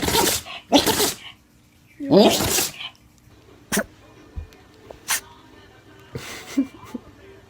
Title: Sneezing animals compilation